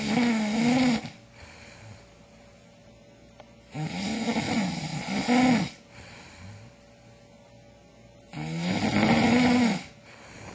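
Loud, droning snores on each breath in, with quiet stretches between, three in ten seconds (about 17 a minute); snoring.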